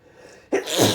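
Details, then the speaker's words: Man sneezing after using strong chhinkni snuff that burns: short breathy build-up breaking into one sudden forceful sneeze; single hard sneeze. "I sneezed into a tissue and there's so much chimney in it. Oh my lord."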